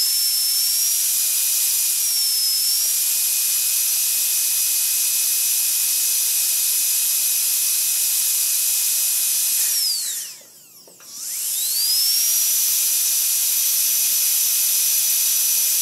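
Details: Sound-effect recording of a dental drill: a steady high-pitched whine over hiss, dipping in pitch at points, then winding down and back up as it runs at varying speeds.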